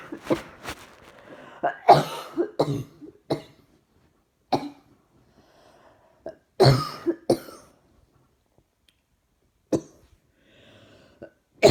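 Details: Person with sore throat and chest pain, an ongoing coughing bout: repeated harsh coughs in clusters with breaths and throat clearing between them.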